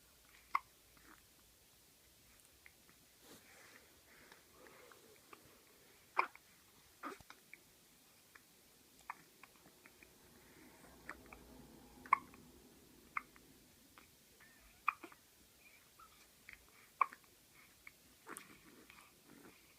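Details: Twin baby having hiccups: brief, sharp hiccup sounds recurring every one to two seconds, about a dozen in twenty seconds, in a quiet room.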